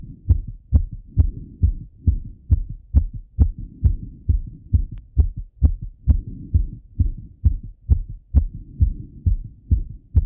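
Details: Adult male listening to his own heart with a stethoscope at home right after a run: fast, regular, strong heartbeat around 130 per minute; rapid heartbeat after exercise.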